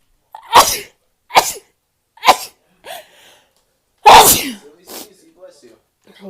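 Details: Woman's run of five rapid, sharp sneezes with short gasping breaths between, then faint voice; she says the need to sneeze is real and she hates sneezing right now; sneezing.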